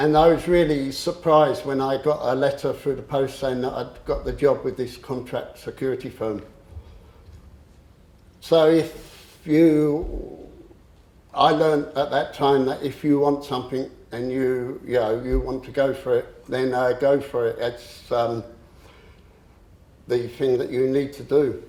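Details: Adult male who stammers; he reports once swapping words and later using a breathing technique to control it; stammering (stuttering).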